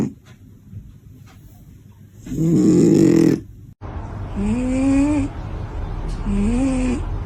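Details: A sleeping cat snoring.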